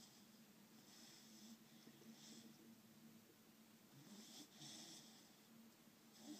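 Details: Soft, steady, quiet snoring during sleep with a low rattle and airy hiss.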